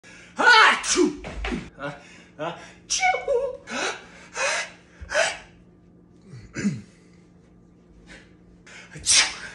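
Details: Comedy sketch of types of sneezers: a string of exaggerated sneezes with sharp gasping in-breaths and bursting exhales; acted, imitated sneezing.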